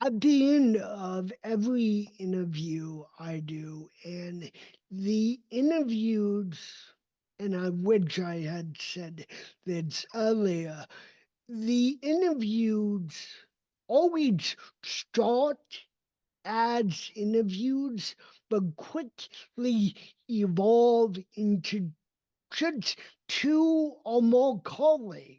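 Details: Adult male with cerebral palsy, a neurodevelopmental disability; speech did not emerge until age seven after extensive speech therapy and requires constant ongoing training; real, not acted; dysarthria (cerebral palsy).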